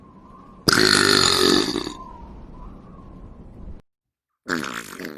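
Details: Animal burping: a loud, rough, drawn-out belch lasting over a second, then a quieter tail and a second belch after a gap.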